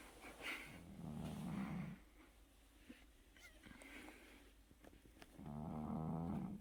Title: cat snoring